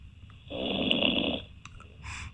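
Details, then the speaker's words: Man who fell asleep live on a late-night radio phone-in after an evening at the pub, the host suggesting a nasal blockage: one rough, rattling one-second snore over phone-line hum, then clicks; snoring. "wakey wakey and has been waiting uh a full 23 minutes and has passed out he seems to have some sort of nasal blockage either that or either these farm yard noises"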